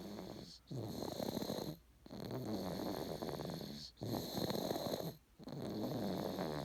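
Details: Snoring in a sleeping animal: loud rattling snores in steady cycles, about one every two seconds, with brief quiet pauses between breaths.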